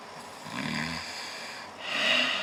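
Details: Friend snoring while sharing a hotel room: two short noisy breaths, one harsher and hissing, against room noise.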